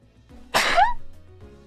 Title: 5連続くしゃみ助かる / sneezing.【/翻訳/切り抜き】